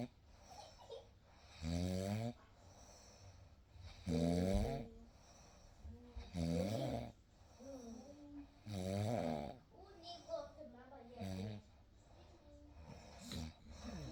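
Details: Real night recording of a sleeping baby: rhythmic, rough low snores with each breath, about five clear bursts over fourteen seconds, against quiet room noise; ordinary snoring during sleep.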